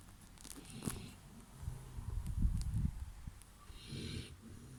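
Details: Male Boerboel dog snoring in his sleep: low rumbling, fluttering breath noises.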